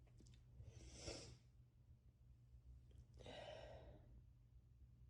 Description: I went to a party yesterday and hugged and kissed a ton of people, then woke up like this 😩 sneezing, coughing, major sinus pressure, scratchy throat, and losing my voice